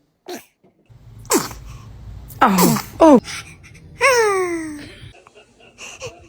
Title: Newborns sneezing are just too adorable!